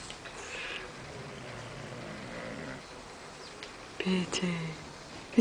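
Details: Bulldog snoring in the living room: low rattling breaths during sleep, then a few louder snorting snores; snoring.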